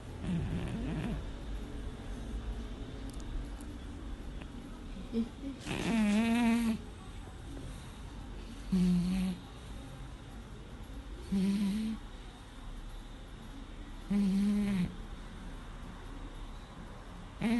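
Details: Sleeping cat snoring: four short, buzzing snores about every three seconds (roughly 20 breaths a minute) in a quiet room; ordinary snoring.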